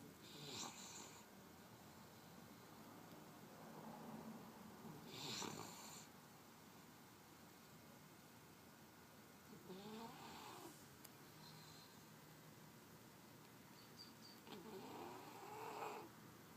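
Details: Sleeping puppy snoring: slow, soft snoring breaths with a fluttering rasp, about 12 a minute.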